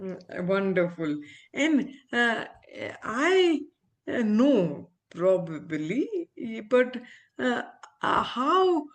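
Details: Aphasia after stroke in an adult female ophthalmologist recovering speech with speech-language pathologists; she reports communication still hinders her; real patient.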